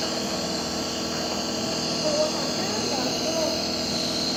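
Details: 3-month-old infant with cough and cold getting hospital nebulizer treatment in the emergency room to clear phlegm causing gurgling breathing: steady mechanical hiss and buzz of the nebulizer compressor running.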